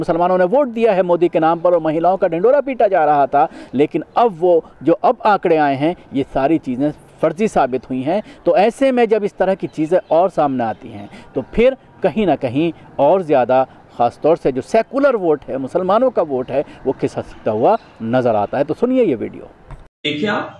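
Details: Adult male speaker; ordinary speech.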